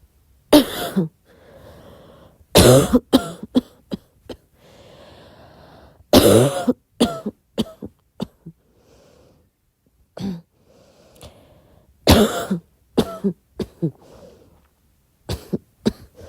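Repeated bouts of short coughs, about a dozen in clusters, with quiet breathing between bouts; soft, recurring night-time coughing.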